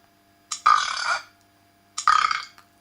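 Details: Realistic burping sound effect from a soundboard app, not a real patient: two short, rough, croaky belches, each under a second, over a low hum; burping.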